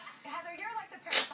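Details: Cat in a bout of about 39 sneezes, here a single sharp, hissing sneeze preceded by faint soft background sounds; sneezing.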